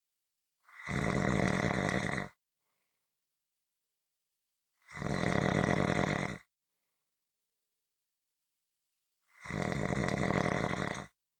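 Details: Long, harsh, rattling breaths in a slow, even rhythm about every four and a half seconds, with silence between: typical snoring.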